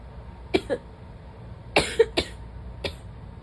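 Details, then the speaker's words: Six short, sharp, dry, slightly throaty coughs in quick clusters, without clear rattle. The person says something feels stuck in the throat, and the cough comes during a prolonged sneezing bout. Dry irritative cough. "It's stuck. It's just making me cough."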